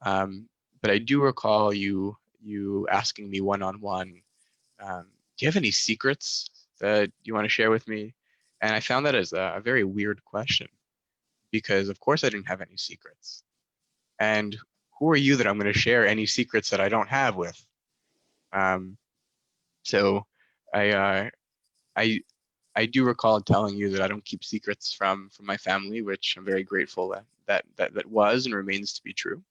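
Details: Stuttering in a male master's student, a proud person who stutters, present since childhood, with speech therapy from about age 10-11; certain situations such as ordering at restaurants still trigger it.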